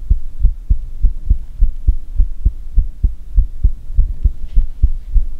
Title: Heartbeat asmr | 2022-06-10